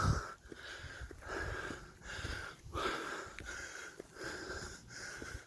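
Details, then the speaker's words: Wheezy laboured breathing in an adult walking outdoors up a lane, whose breathing is not 100% yet: heavy, noisy breaths with a whistling wheezy edge, about 40 a minute in irregular bursts. "Apologies about my breathing because it's not 100% still."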